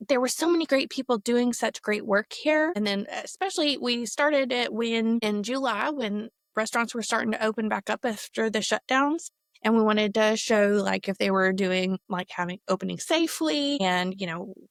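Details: Adult woman speaking; no disorder.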